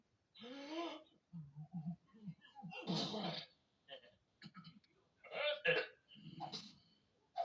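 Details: Animated cartoon pig character with a bad case of the hiccups: voiced, repeated, jerky hiccup-like gulps mixed with grunts; an acted imitation, not real hiccups.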